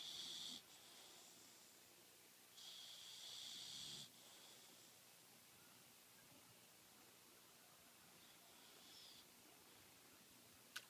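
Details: Loud snoring from a sleeping Bullmastiff dog, possibly dreaming, heard before her owner wakes and soothes her.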